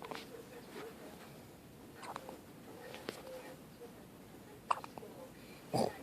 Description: My 12 day old son has a case of the hiccups that's making his entire body jump!